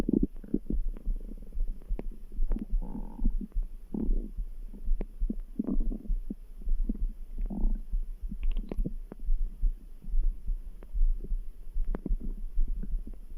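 Gurgling stomach rumbles over a steady background heartbeat of about 72 a minute; ordinary bowel sounds of digestion.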